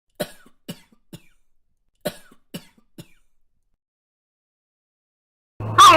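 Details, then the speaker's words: Dog gives two quick bouts of three harsh, dry, hacking coughs, fitting kennel cough (canine infectious cough). "if your dog has a cop kennel comm just a cold honey and lemon juice"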